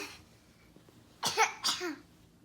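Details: Child coughing: two short, sharp cough bursts followed by a brief voiced sound in a quiet room, while someone laughs at the coughing.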